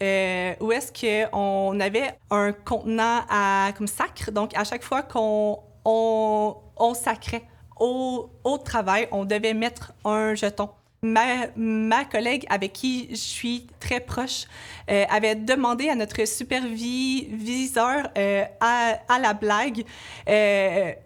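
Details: Adult woman, a laboratory supervisor, who states she stutters; audible repetitions and fillers; stuttering.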